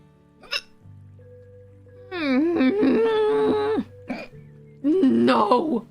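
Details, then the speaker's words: Female streamer's hiccups during a live stream: sharp, abrupt hiccups break up her voiced exclamations over background music. She says they are super loud but don't hurt. "sorry to hear about the hiccups it's okay they'll go mine sound like they hurt they don't hurt they're super loud but you know"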